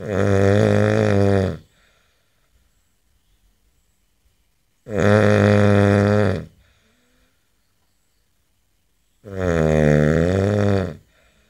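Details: Adult man asleep, recorded May 2011: loud, deep, buzzing snores about every four to five seconds, each over a second long, with silence between; snoring.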